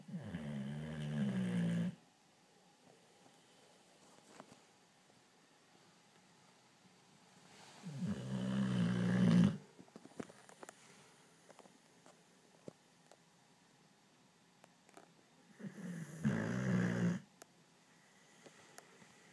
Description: My boxer is snoring like crazy when she is sleeping!